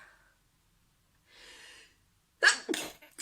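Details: Sneezing compilation: a soft breath, then a sudden explosive sneeze with a quick second burst; sneezing.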